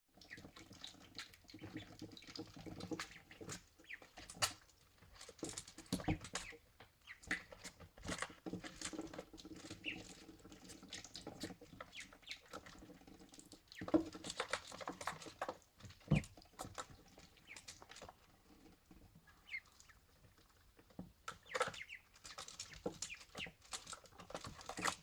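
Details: Ducklings make small, sharp sneezes between drinks of water, a normal way of clearing water from their nostrils.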